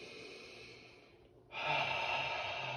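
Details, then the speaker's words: Adult with COPD exacerbation, shortness of breath and mucus, doing active cycle of breathing with a physical therapist: a quiet outbreath, then a strong open-mouthed breathy "fogging glass" exhale to clear mucus: huff. "like you're fogging up some glass okay so breathe in and out now you do it a little slower and out two more and one more"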